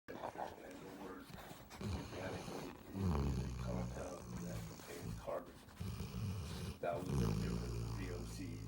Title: Snoring dog